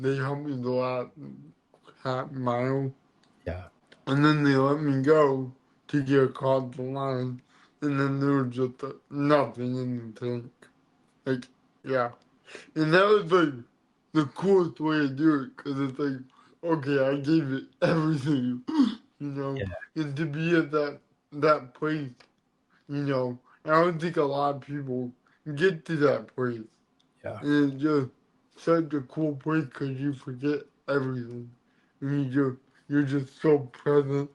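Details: Adult man born with cerebral palsy, which affects his neck muscles, giving him a deeper voice and making talking hard; dysarthria (cerebral palsy).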